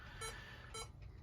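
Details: Portable SpO2/capnography monitor finger probe on an adult, SpO2 95 rising to 97, heart rate a little high; two short soft pulse beeps about 0.6 seconds apart, rate near 100 a minute.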